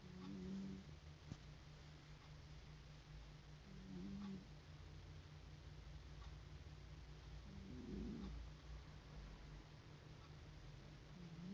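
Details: Gentle, harmless snoring from a sleeping cat: soft low snores about every four seconds over a steady low hum.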